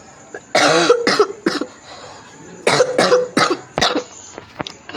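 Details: Two short bouts of harsh, dry-sounding coughs, about seven bursts in all, with some throat clearing and faint background hum, from a speaker who says his throat is hoarse: cough.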